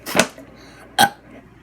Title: Burping challenge part 2